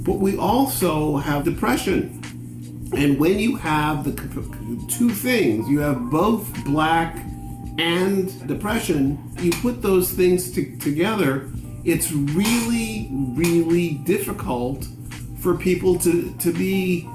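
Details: Black man living with aphasia for about five years; aphasia.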